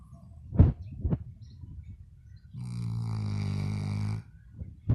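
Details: Labrador dog: soft snuffles, then one long, deep, buzzing snore under two seconds; ordinary dog snoring.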